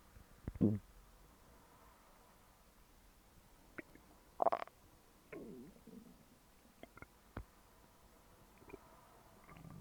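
Quiet low gurgles and short squeaks come and go irregularly: ordinary stomach growling from gas and fluid moving through the bowel.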